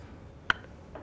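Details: A single sharp click in a quiet room as a Turbuhaler base is twisted to load a dose, shown during an asthma and COPD inhaler-technique seminar with an add-on grip fitted to the base to make turning easier.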